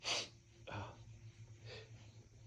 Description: Sneezing and blowing my nose from fall allergies.